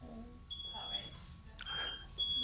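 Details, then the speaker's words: High steady electronic beeps and tones from monitoring equipment, with room noise and muffled voices, in the delivery room at the birth of an extremely preterm baby in July 2018. "i'll apologize in advance for the beeps of the monitors it's something you only realize is going on in retrospect but if you can try and hear through the beeps"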